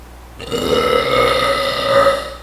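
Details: Podcast host: a single long, loud, drawn-out voiced belch lasting about two seconds, faint room tone behind it; burp.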